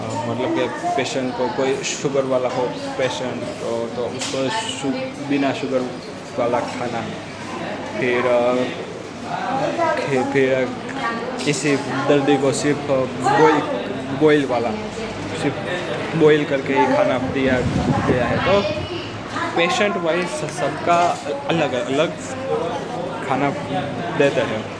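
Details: Adult man with stammering, day 65 of a self-directed stammering-control programme of breathing, slow counting and reading-aloud exercises, speaking in a public hospital; stuttering.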